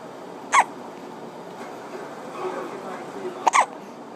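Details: Infant with hiccups while father plays a video game: two short, sharp hiccup sounds about three seconds apart over quiet room noise.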